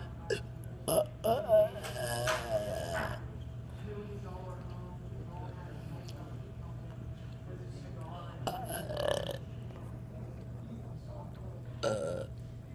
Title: Me burping